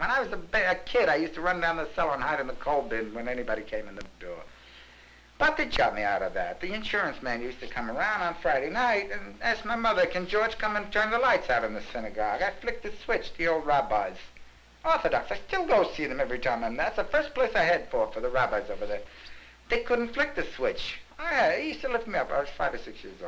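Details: Adult man, talkative and excited, with hypomania in a psychiatric interview, showing manic psychomotor activity and denial of depression; pressured speech (hypomania).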